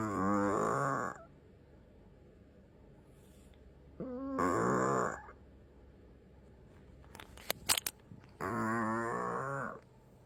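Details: Loud, buzzing snores repeating every few seconds with a few soft clicks between breaths; snoring in a sleeping senior cat, with sleep apnea mentioned only as a tag.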